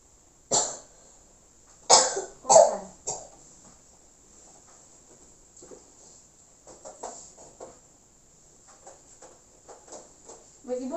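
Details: Nursing demonstration of deep-breathing relaxation and effective cough to clear the airway, acted with a patient: four forceful coughs, then quiet breathing and soft sounds.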